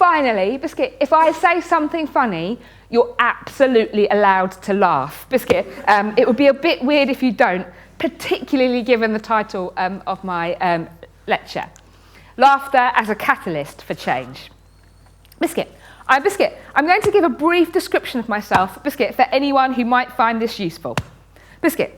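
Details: Woman with Tourette syndrome, a neurological condition causing uncontrollable movements and noises, with very frequent involuntary word tics (one word up to 16,000 times a day) and coprolalia (obscene tics); Tourette syndrome vocal tics.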